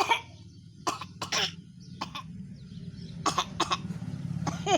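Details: During the COVID-19 pandemic, a child gives a series of short, deliberate coughs, copying and learning a coughing action, over a steady low hum.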